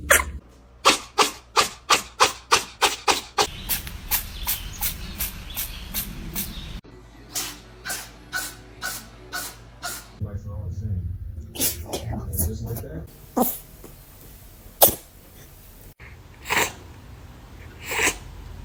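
A cat gives a rapid series of short, sharp sneezes, then several more spaced out.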